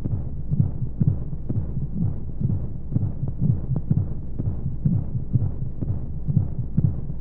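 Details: Womb-sound sleep aid for babies with white noise: steady muffled low heartbeat thumps, roughly 60–65 a minute, in a soft whooshing background of flowing sounds, a regular heartbeat as heard inside the womb.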